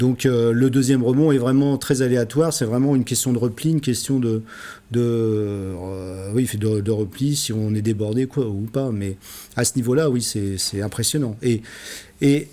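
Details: Adult man speaking French; ordinary speech.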